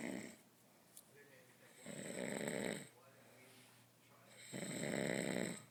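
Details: Loud, deep, rattling snores on each breath in, two in under six seconds, with quieter breaths out between, from a man passed out drunk on a couch; heavy snoring.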